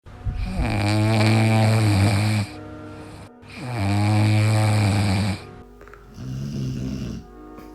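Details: Three long, loud, buzzing snores on slow breaths from a sleeping dog, the last one softer, over light background music.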